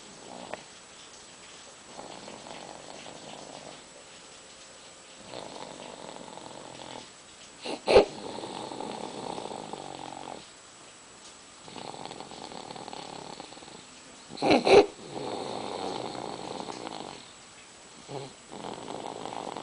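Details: Sleeping baby snores, with soft rattling noise on each breath and quiet pauses between, two minutes after crying hard.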